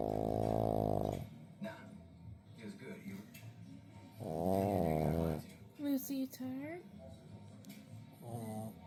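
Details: Loud snoring from a pug, a flat-faced dog: buzzing, rattling snores with long harsh breath sounds between quieter stretches.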